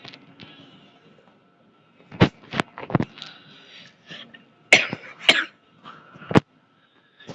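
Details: An adult man with a fever coughs in a series of about six short, sharp bursts over faint background game sounds.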